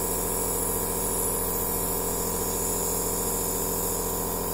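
Steady hiss and hum of a nebulizer compressor running continuously, with a fast regular pulsing underneath.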